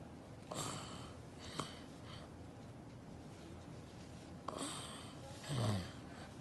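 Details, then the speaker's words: 18-month-old child in clinic, daytime, with grade 4 adenoid hypertrophy and tonsillar hypertrophy on nasal endoscopy, planned for adenotonsillectomy: noisy, snorting mouth breathing with wet gurgling; adenotonsillar hypertrophy. "You can hear the classic mouth breathing and even the gurgling sounds. This is the daytime, so imagine what happens at night."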